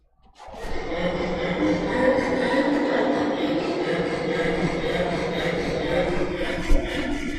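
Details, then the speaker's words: Dog presented as a stridor example in a brachycephalic obstructive airway syndrome (BOAS) seminar: continuous noisy, strained breathing with a high-pitched harsh edge; stridor, the higher-pitched upper airway noise. "Now, this is what we mean by stridor. It's a high-pitched noise."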